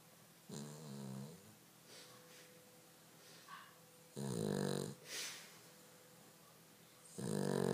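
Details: Snoring dog: loud, rattling snores, three heavy breaths with softer snorts between, against a steady low hum.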